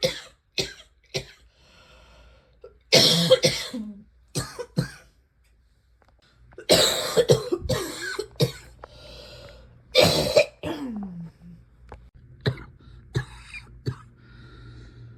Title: #80 - still here. still wheezy. still coughing.